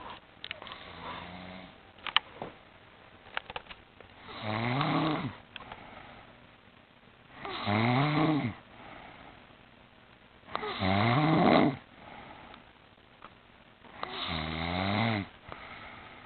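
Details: Adult woman asleep sitting up in a chair, loud rattling snores about every three seconds, roughly 18 a minute, with quiet pauses between.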